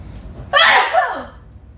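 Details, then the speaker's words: A single sudden, forceful sneeze with a sharp burst and fading tail, uncovered with no time to raise hands, during a live stream; an ordinary sneeze. "Sorry, guys. The sneeze came out of nowhere. I had no time to put my hands up."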